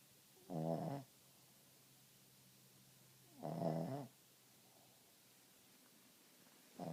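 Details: Dog snoring loudly: short, rough, buzzing snores about every three seconds, around 20 a minute, with silence between them; snoring.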